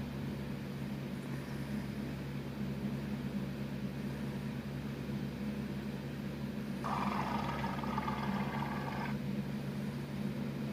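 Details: Stomach growling (borborygmi) from a cat: a low, steady rumble with a brief gurgling growl partway through.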